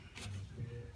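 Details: Manually assisted cough in an adult man with tetraplegia from a complete C5 spinal cord injury (1986): physio pushes heels of hands into abdomen at pelvic line as he coughs after a deep breath; single short, soft cough with low voiced tail.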